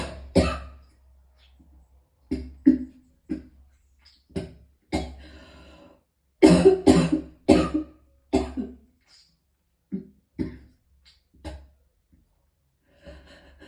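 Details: Person in extreme pain who vomited several times, coughing: about fifteen harsh, forceful coughs in clusters with pauses between.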